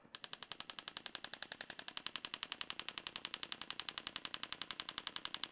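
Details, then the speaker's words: Rapid, regular sharp clicking pulses, about 80 a minute, from a radial shockwave therapy device on a tendon with the ankle slightly dorsiflexed; the patient is asked for pain score, aiming near 6/10. "And while I'm doing the shock wave, I'm going to be asking my patient in this case um what his pain scales like."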